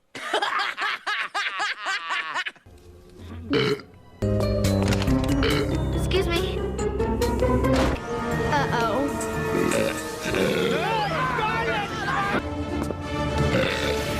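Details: Animated cartoon burp, not real: a drawn-out burp amid cartoon voices, talk, laughter and music.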